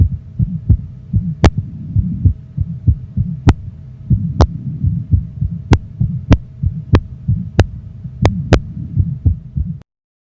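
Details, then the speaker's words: Child's innocent Still's murmur: rapid heartbeat with low, buzzing vibratory systolic murmur at the left lower sternal border from normal ventricular ejection flow, softer when sitting or standing. "Stills murmur is a vibratory systolic murmur at the left lower sternal border. It's caused by normal ventricular ejection flow."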